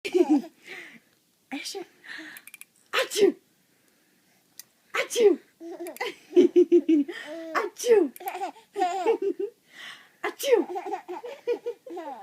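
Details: Young child laughing at mother, with small sneezes among giggles and babbling and brief pauses between bursts; sneezing.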